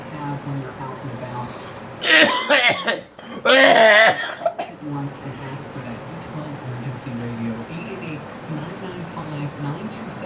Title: Me coughing